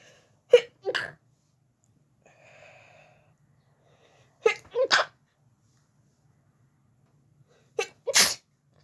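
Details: A person in bed, trying to sleep early, has a sneezing fit that started after turning onto the other side: three separate sneezes in quick succession, each with a short in-breath, in a quiet room.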